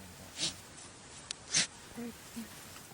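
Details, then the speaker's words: African wild dogs in a habituated pack, sneezing during a social rally event: two short, sharp, unvoiced sneezes followed by faint soft whimpers. "And sometimes the dogs make these strange sounds. It is really odd. The sounds they make are unvoiced, kind of like sneezes."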